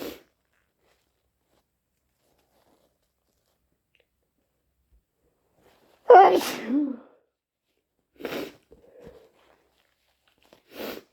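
One loud, wet sneeze followed by shorter sniffs and nose bursts in a quiet room, typical of sneezing with a head cold.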